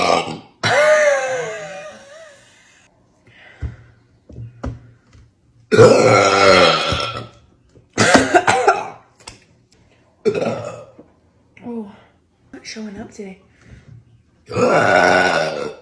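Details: An adult mother gives several loud, deep voiced burps with short quiet gaps after drinking Sprite: belching.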